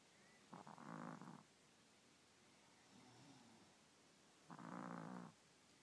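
Two drawn-out rasping snores about four seconds apart, with a soft breath between; dog snoring.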